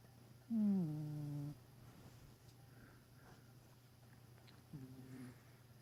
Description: Cat's make funny sounds when they sleep.